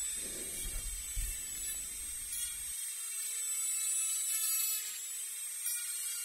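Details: High-pitched whine of a dental cleaning instrument with some low handling noise at first; simulated tooth cleaning of front teeth in an ASMR dentist roleplay, not a real procedure.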